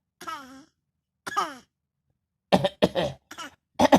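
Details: A six-month-old baby girl who just discovered coughing makes two short voiced sounds, then four quick, deliberate little coughs in a row: voluntary infant cough.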